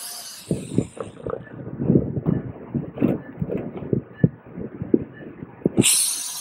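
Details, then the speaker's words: Rotary wire-brush dermabrader abrading facial skin for acne scarring in a female Fitzpatrick III patient, aiming for petechial bleeding: rapid rough scraping and rattling bursts ending with a brief hiss. "but even with a wire brush it's something that can be mastered"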